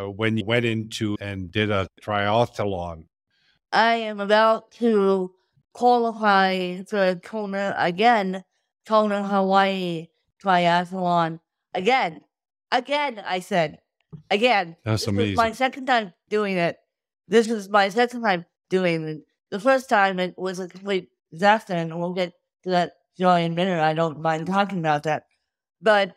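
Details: Adult woman with cerebral palsy from birth due to lack of oxygen at birth, with difficulty speaking; dysarthria (cerebral palsy).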